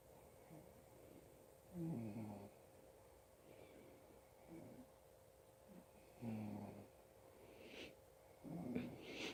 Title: More of my Dad snoring.